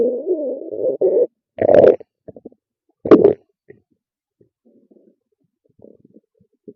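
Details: Drawn-out low stomach growl, then louder gurgling bursts and faint squelches between quiet gaps; ordinary stomach growling (borborygmi).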